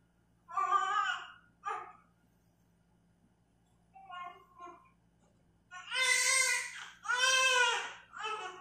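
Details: Newborn baby boy, 3.22 kg, just after natural home birth, possibly a water birth: loud, clear, strong cries in bursts with pauses between them; normal vigorous newborn cry.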